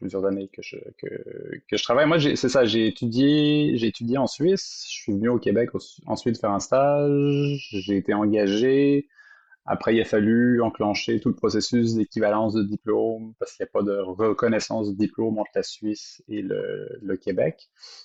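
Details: Adult man speaking French; no speech disorder.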